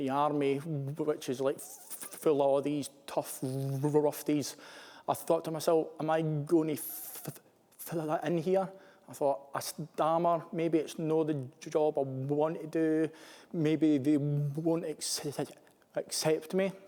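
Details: Adult male army commissioned officer who stammers; stammering.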